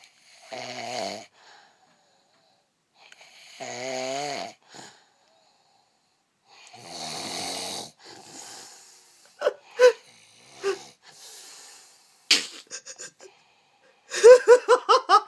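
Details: A person snoring, described as annoying: three rough, rattling snores on slow breaths, then snorts and fluttering sounds as the breathing shifts.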